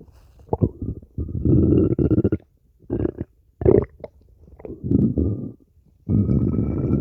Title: stomach growling 5